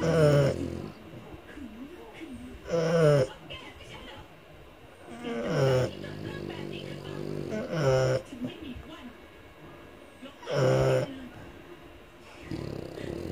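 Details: Sleeping French Bulldog: loud, rough snores, about 22 a minute, rattling on each breath in; snoring.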